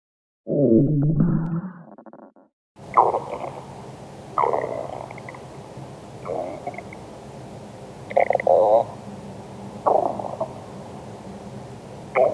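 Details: Stomach growling (borborygmi) from a person's abdomen: repeated low gurgling, rumbling bursts every couple of seconds; ordinary.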